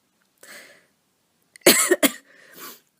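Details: Person recovering from a cold who has asthma, chest feeling itchy: soft throat-clearing breath, then two sharp, strong voluntary coughs and a trailing exhale in a quiet room.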